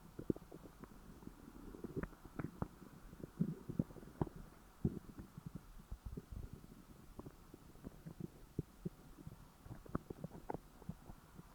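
Quiet, continuous low gurgling and bubbling with scattered pops and rumbles; ordinary stomach growling after a large meal.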